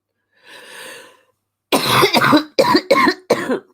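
A soft intake of breath, then a rapid run of five harsh, hacking coughs: a coughing fit during flu.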